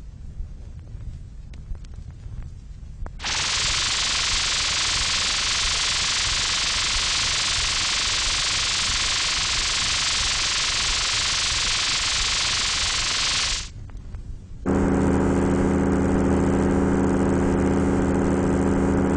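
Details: Synthesizer-made tinnitus simulation (1970s RNID London demonstration record) of what patients with moderate to very loud tinnitus hear continually: steady hissing noise, then a buzzing multi-tone hum; tinnitus simulation.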